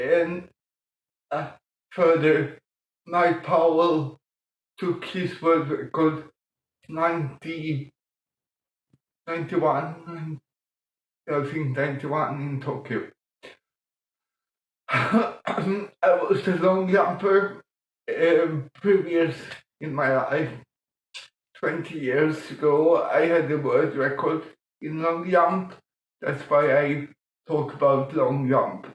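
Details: Adult man born 1958 with mild cerebral palsy from lack of oxygen at birth; childhood speech problems later eased by music-aided breathing changes; dysarthria (cerebral palsy).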